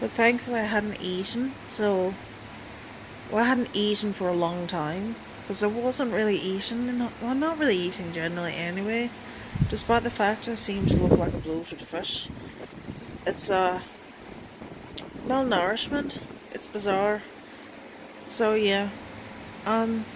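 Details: Transient foreign accent syndrome in an adult woman, appearing after seizures and coming and going; she speaks through lockjaw after returning home from hospital with multiple neurological symptoms and chronic illness.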